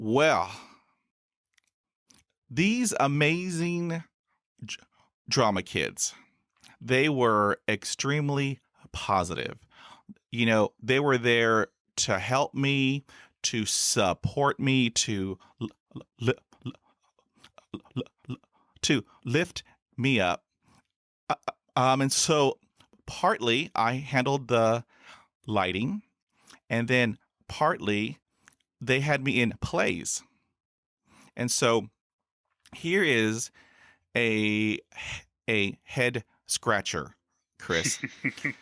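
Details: Adult male podcaster who stutters, since school years, with about 20 years of speech therapy in school, college and the US Air Force: stuttering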